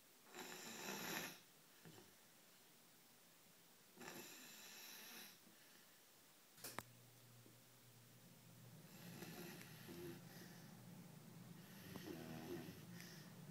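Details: Sleeping English Mastiff puppy, with a Chihuahua trying to sleep beside him: soft, irregular snuffling snores with faint room noise; snoring.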